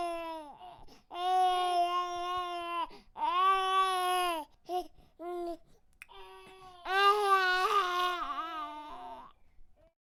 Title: Baby Crying | Sound Effect